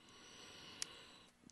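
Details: Stridor from subglottic stenosis, a narrowing just below the vocal cords, in a speaker who has the disease: a single prolonged, harsh, hissing breath lasting over a second, with a faint click midway.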